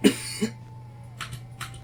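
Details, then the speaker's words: Imitated suppressed cough: a short, stifled cough with a muffled throat sound, held in to stay quiet; demonstrated to illustrate the urge of a Tourette's tic. "so you're like you have to cough but you're trying to be really quiet so you try to like uh silence that cough by like"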